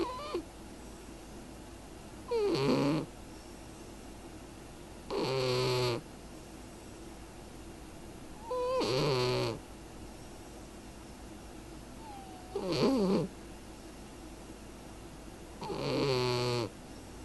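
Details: Five loud, whistling, wheezy snores, about one every three to four seconds, from a sleeping cat; snoring.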